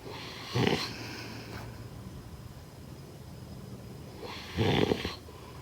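Two low, rattling snores on in-breaths about four seconds apart, with quiet breathing between them: snoring during sleep.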